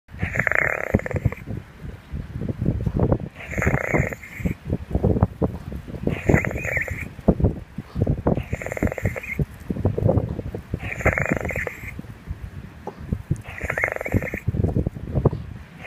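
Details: Dog with laboured breathing, loud effortful rasping breaths about 23 a minute and unable to take a full breath. It lasted about 10 minutes after walking toward the beach in strong wind; he lay down, needed carrying and couldn't walk.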